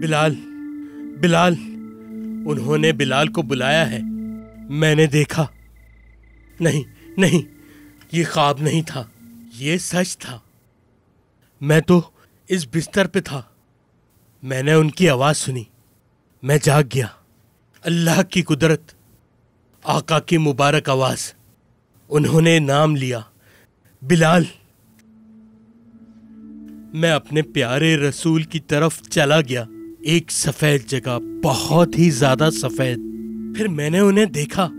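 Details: Adult male voice, acted narration; typical speech.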